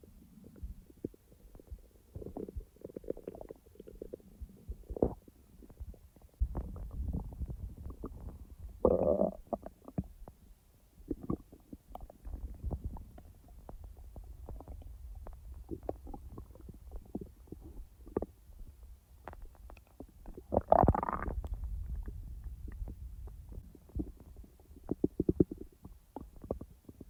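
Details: Person's own real stomach sounds, not recorded in real time: gurgling, bubbling abdominal rumbles with a few louder squeaky gurgles of active digestion; bowel sounds (borborygmi).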